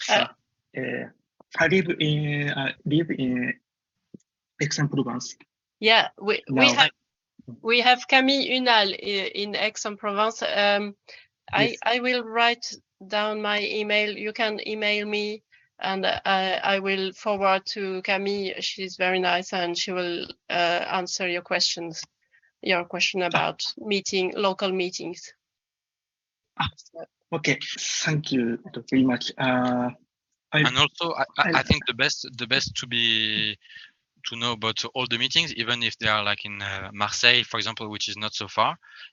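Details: Stuttering in an adult French man who describes himself as a person who stammers, speaking English.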